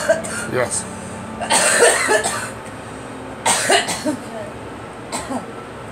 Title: Girl coughing